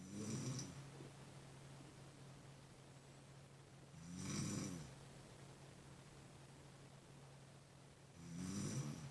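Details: Soft rhythmic snores about every four seconds, roughly 15 breaths a minute, with quiet pauses between; snoring.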